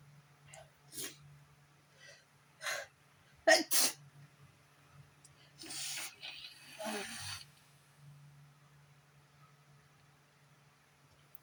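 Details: Adult woman with allergy sneezing: a run of sharp, forceful sneezes, several quick bursts with quieter breaths between.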